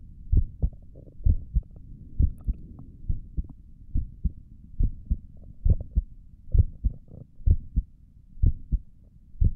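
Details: Adult heartbeat through a stethoscope on the chest while relaxing toward sleep, with stomach gurgles elsewhere in the recording: steady paired low thumps at about 65 beats a minute over soft hum, a normal heartbeat.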